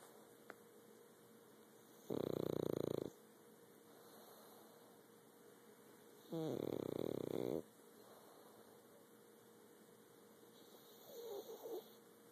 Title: Kura snoring